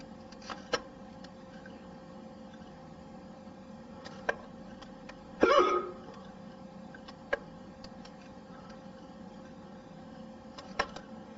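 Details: Adult male hiccups: sharp, abrupt throat clicks recurring every few seconds, one louder and voiced.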